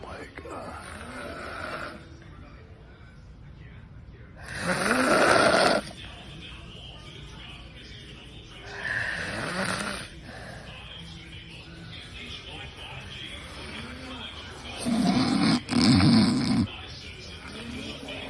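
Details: Loud, harsh snores with long gaps of quiet breathing, about four or five seconds apart, over light room noise during night sleep; heavy, annoying snoring.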